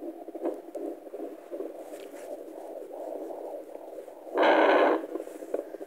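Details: Fetal heartbeat on Doppler at 26 weeks 5 days of pregnancy: rapid rhythmic whooshing pulses, roughly 150 a minute, with a loud scrape.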